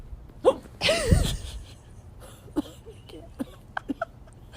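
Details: An adult hiccuping while smoking makes a series of short, sharp, squeaky gulps in a quiet room, typical of hiccups.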